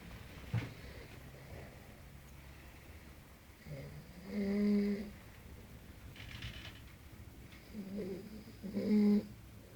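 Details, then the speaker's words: Loud snoring in a man asleep at 5 a.m.: low rattling snores on the in-breath, about three in ten seconds, over faint room noise. "I swe it's 5:00 in morning pet and you're really slow really loud"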